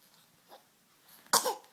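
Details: Baby boy who has just learned to sit up, playing with his foot and toys, gives a soft sniff then one short, forceful sneeze from the nose and throat.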